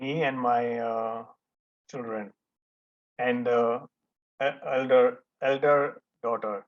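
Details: Adult male stroke survivor who was almost mute for about 1.5 years after the stroke and had daily speech practice with his daughter and a therapist; speech is still a setback for him. Finding: post-stroke aphasia.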